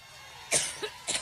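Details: Adult woman's coughing fit at a campaign stop, three short harsh bursts in quick succession, the first strongest, over faint room noise; uploader claims she appears to cough up bloody tissue; cough.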